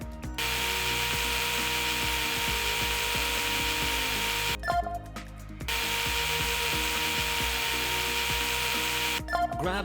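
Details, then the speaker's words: Simulated VR surgical pin driver inserting three pins to anchor a targeting block on the anterior tibia in a robotic-assisted total knee replacement demo: two bursts of steady drill whine with background music. "it's anchored with these three pins so I'll grab the pin driver again and put these three pins in"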